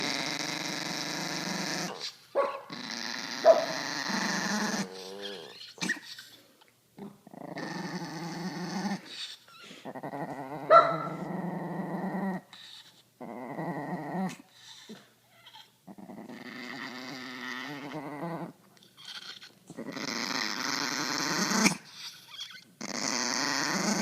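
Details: Pomeranian dog making repeated rough, raspy growling breaths with a wheezy, whistling edge between short pauses; wheezing with growling.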